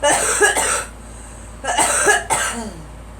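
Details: Girl coughing after taking a hit of something: two harsh double coughs in quick succession, with a faint vehicle hum behind.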